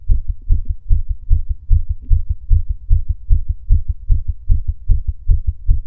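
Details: Male's own heartbeat during breath holds: strong, regular low heart thumps in paired beats at roughly 75 beats a minute, steady rhythm.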